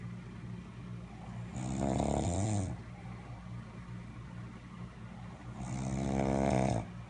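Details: Man snoring: two loud, buzzing snores on the in-breath about four seconds apart, quiet breathing between, around 15 breaths a minute; snoring.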